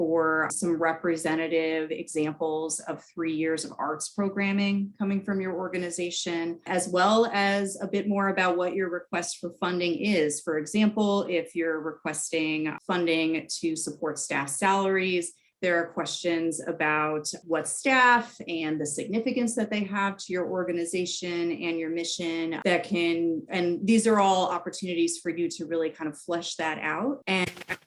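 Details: Adult woman; typical speech.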